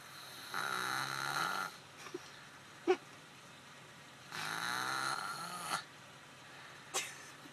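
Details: Heavy snoring: two loud, rumbling snores about four seconds apart, each over a second long, with quiet breathing and small clicks between.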